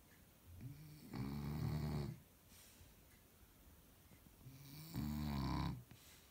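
Two loud, low, rattling snores on inhalation, about four seconds apart, with quiet breathing between them: snoring.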